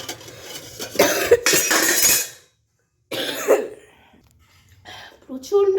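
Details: A run of harsh, forceful coughs, a pause, then another cough burst, with faint kitchen clatter and a brief voice; the cougher says the cough is unbearably frequent: repeated coughing.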